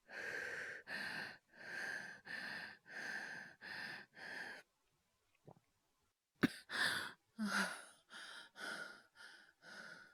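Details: Acted by a male voice actor, all performed: a run of rapid, strained breaths, a short pause, then sharp coughs and gasping breaths; simulated cough and laboured breathing.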